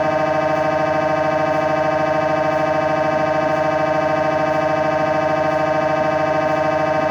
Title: MRI Sound Live Recording from Inside MRI Room During Scanning | #insideMRIroom #MRISoundlive #mri